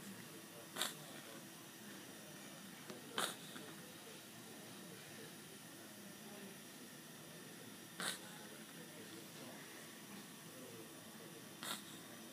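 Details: Zack, with a tracheostomy: four brief, sharp airy bursts over steady hiss as hiccups push air out through the tracheostomy tube.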